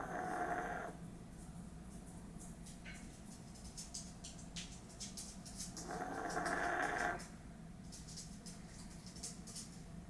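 Two long, rough, rumbling breathing sounds about six seconds apart over a steady room hum, typical of snoring in sleep.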